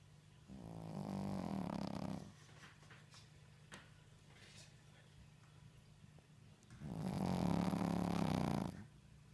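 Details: A sleeping Shih Tzu dog snores loudly, with two long rattling breaths separated by a quiet pause. Finding: snoring.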